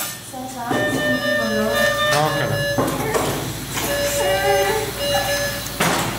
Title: Young Baby coming out of Anesthesia after Surgery